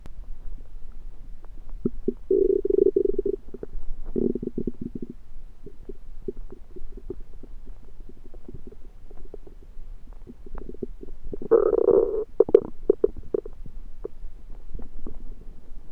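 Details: Prominent bowel sounds (borborygmi): loud, frequent gurgling and bubbling rumbles with drawn-out groaning stretches from the belly, recorded after eating a home-cooked meal the person suspects was undercooked.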